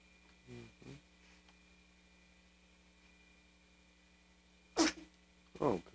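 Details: Infant's first sneeze, recorded on a 1994 home video. Sharp, brief sneezing bursts after soft baby sounds, over steady tape hiss: a sneeze.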